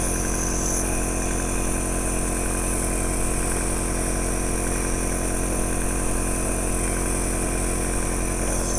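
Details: Home compressor nebulizer running in a usage demonstration, producing medication mist through the oral mouthpiece: steady buzzing motor hum; normal working sound.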